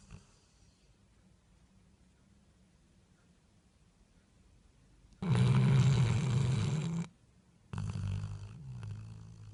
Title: Chocolate Labrador puppy snoring